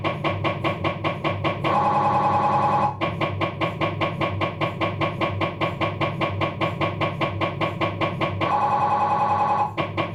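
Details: Rapid regular knocking about 150 a minute with bursts of loud buzzing from a Philips 1.5T MRI scanner during an abdominal scan, diffusion sequence; MRI scanner noise.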